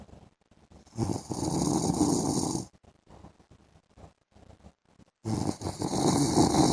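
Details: Adult man snoring during an afternoon sleep: two long, harsh rattling snores on in-breaths, with quiet crackly gaps between them; heavy snoring.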